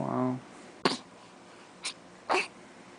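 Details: A brief voice, then two sharp, explosive sneezes with a smaller sneeze-like puff between, from a baby in a quiet room: sneezing.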